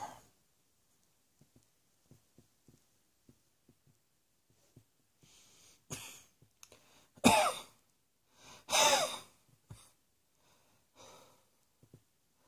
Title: Cross Dressing Coughing 75